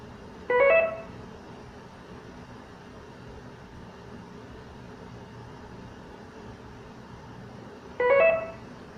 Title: Infusion pump เสียงเครื่องควบคุมการให้สารละลายทางหลอดเลือดดำ Infusion pump Sound VDO MALI CULTURE